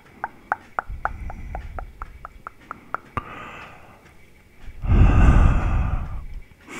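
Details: Heavy breathing in a 50-year-old man with a pacemaker, diabetes and obesity (150 kg, 186 cm): rapid clicking, then a soft inhalation and a loud, prolonged, effortful exhalation.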